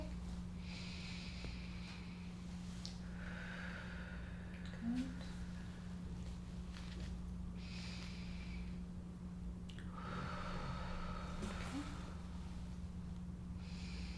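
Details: Real-person head-to-toe practice assessment of an adult woman in an ASMR roleplay: lung auscultation finds normal vesicular breath sounds with no crackles.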